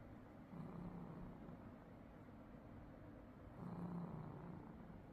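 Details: Snoring from a sleeping chubby adult male cat: two soft, low, rattling breath sounds about three seconds apart, roughly 20 breaths a minute.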